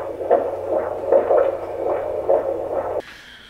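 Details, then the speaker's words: Fetal Doppler at 31 weeks of pregnancy: rapid whooshing heartbeat of a baby boy, about 140 a minute, with uneven spacing and a slightly longer gap; an irregular fetal heartbeat needing weekly obstetric checks. "we're gonna have to keep coming back every week to see the OB just to keep checking on his heart"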